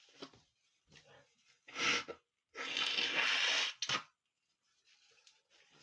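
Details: Male sneezing while sick: sharp, hissing bursts after brief indrawn breaths, a couple of sneezes in a quiet room; sneezing.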